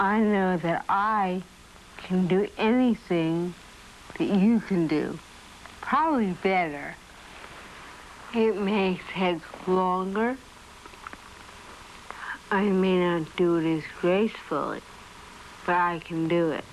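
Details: Adult woman with dystonia, likely dystonia musculorum deformans, since childhood, with dysarthria that she calls slurred speech, alongside an awkward gait; 1982 film.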